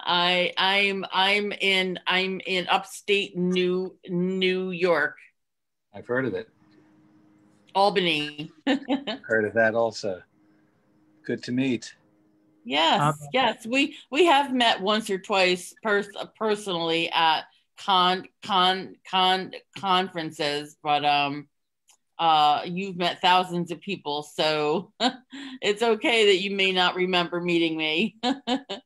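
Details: Adult woman with real stuttering, with part-word and whole-word repetitions, who hid it for close to 30 years (covert stuttering) and now stutters openly; stuttering.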